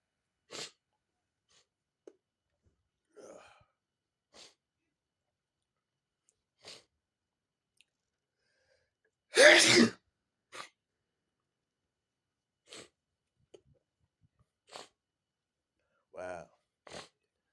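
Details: Quiet room with short nasal sniffs throughout, then one loud forceful sneeze burst near the middle; a single big sneeze with sniffing.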